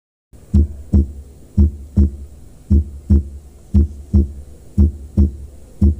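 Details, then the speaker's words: Regular lub-dub heartbeat near 56 a minute in a person, with a normal first heart sound (S1) from atrioventricular valve closure, heard loudest near the apex at the tricuspid and mitral areas. "these valves shut and that creates the first heart sound which is called the s1 heart sound so here is how it is heard so you can see the first sound is the s1 heart sound or the love sound"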